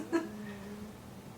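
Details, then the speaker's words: Dog snoring faintly in a small room during a makeup session: a quiet snort followed by a drawn-out, slightly whistling breath. "hear Rue snoring?"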